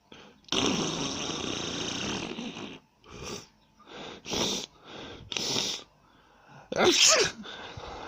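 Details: A girl's run of repeated sneezes, sharp airy bursts with breathy intakes between, ending in a louder voiced burst, in a small room.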